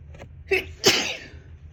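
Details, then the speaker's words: Sneezing from dust while cleaning and moving things to sell a house: two sneezes in quick succession, a smaller one then a forceful burst, over quiet room noise. "So I've been cleaning, getting ready to sell my house. And the dust. I feel like I'm about to sneeze."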